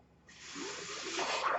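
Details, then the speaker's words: Speaker's own mechanical ventilator, heard during his podcast talk: quiet, then a steady rising hiss of air building over about a second as the ventilator delivers a breath. "hello everyone my name is worried that noise you're hearing is my ventilator and welcome the page-turners they were not my stars podcast"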